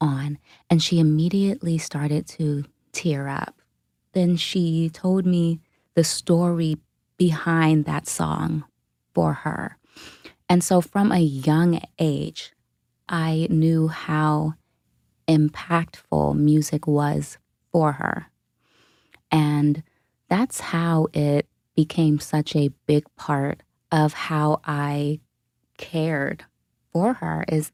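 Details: Adult woman, a dementia caregiver, who states she has a stutter; stuttering.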